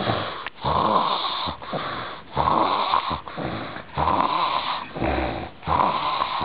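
Loud, continuous rumbling snoring on both breathing in and out, with brief pauses, about 18 breaths a minute.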